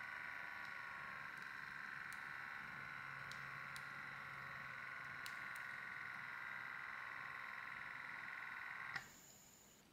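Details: Sanitas SBM 47 automatic upper-arm blood pressure monitor: steady motor hum as the pump inflates the cuff, then an abrupt stop and hiss of air release; reading 133/84 mmHg, pulse 87.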